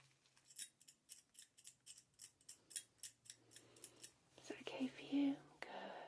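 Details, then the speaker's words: Simulated ASMR role-play of dental hand scaling on a nervous patient, over an area of heavy buildup: rapid crisp scraping and picking clicks, about two a second, then soft close-up reassuring speech. "okay this is one of the areas where there's quite a bit of buildup so you will hear some scraping and picking sounds you can't feel that can you that's wonderful"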